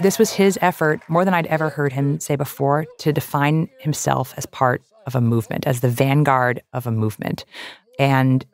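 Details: Adult male speaker; normal voice.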